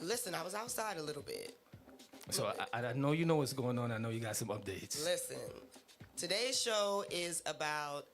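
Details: Adult speaker, radio host; ordinary conversational speech.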